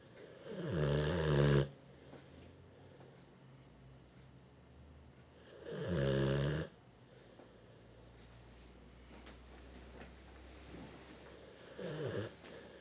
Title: Dexter, the bullmastiff, snoring